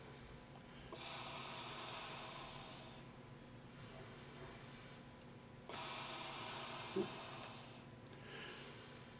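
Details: A patient who is not breathing deeply enough is taught to use an inspiratory muscle trainer, wearing nose clips. The patient inhales through the nose and exhales through the mouth for 3–4 seconds against a low-resistance setting, giving slow breaths with long hissing exhalations.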